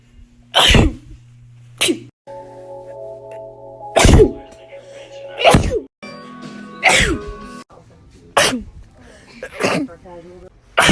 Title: TikTok Sneezing 23